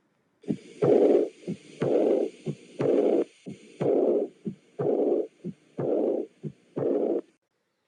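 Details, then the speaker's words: Aortic valve insufficiency: regular heartbeats about 60 a minute, each followed by a long blowing murmur; aortic insufficiency murmur. "otra de las válvulas que pues es Generalmente afectada es la válvula aórtica la cual se puede escuchar de la siguiente"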